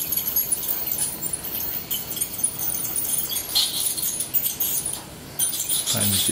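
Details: An old Shetland Sheltie dog undergoes dental scaling under monitored anaesthesia. High-pitched buzzing, scraping and clinking are heard as an ultrasonic scaler cracks and removes large crusts of tartar from the teeth.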